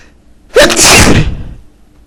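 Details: One loud, forceful sneeze with a short rising intake and an explosive burst that fades out.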